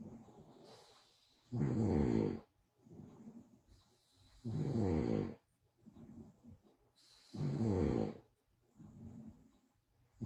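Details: Woman caught snoring during a livestream: loud, rattling snores on inhalation, about three over ten seconds, with quieter breaths between; ordinary snoring.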